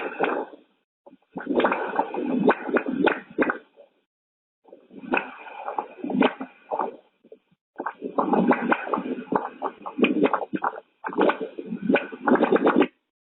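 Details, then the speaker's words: Venous gas emboli after diving, grade 3 bubble count on an acoustic Doppler positioned over the heart: venous flow signal that is no longer smooth, broken by frequent sharp chirps and pops from gas bubbles. "if they are looking for bubbles and if they find bubbles well it's will not sound as smooth and neither this is like a like a grade three for bubble count here they see is that my higher sound quite different"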